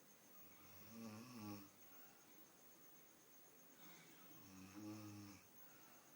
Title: Grandmother sleeping snoring